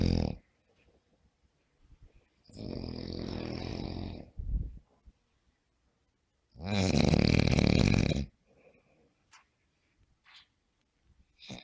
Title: The sound of snoring during sleep